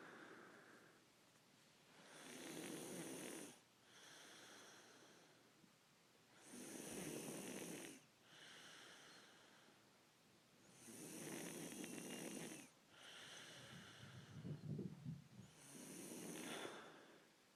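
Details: Snoring: slow, regular breaths about every four to five seconds, each with a loud rattling snore on breathing in and a softer noisy breath out.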